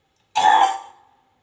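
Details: Nursing student demonstration of deep breathing and effective cough: after deep inhalation and breath hold, one short, forceful cough to clear the airway; acted demonstration.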